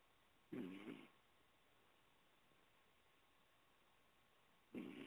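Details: Cat asleep on a pillow: two short, rough, rumbling snores about four seconds apart, one per breath, against quiet room hiss: snoring.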